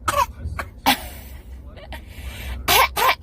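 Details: 24-month-old toddler riding in a car imitates coughing as part of language development: several short, breathy pretend coughs against steady car-engine rumble. Imitated cough.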